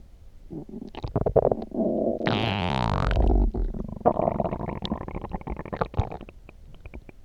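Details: Loud stomach growling (borborygmi) after drinking coffee: long gurgling and rumbling with squeaky, whining stretches and bubbly pops.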